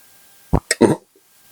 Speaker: I keep forgetting these microphones are better than the old ones I was using. So you can hear me snorting and coughing and all kind of stuff.